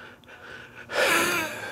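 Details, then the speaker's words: Wheezing, strained gasping in-breath with a faint whistle, from a 9/11 responder who sifted debris by hand at the Staten Island landfill, now on about 20 pills a day and 3 inhalers, with heart pumping at 36%, lung capacity 59%, increasingly winded while talking. "As you can hear me wheezing. I'm on a lot of medication."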